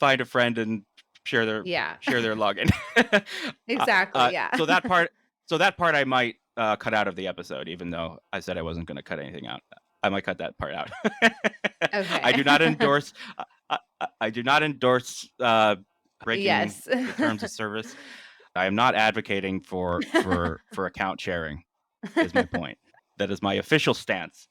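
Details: Adult man who stutters; stuttering.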